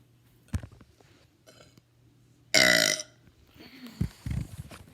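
One loud, rough, voiced belch lasting about half a second in a quiet room, with faint breathing and small sounds around it.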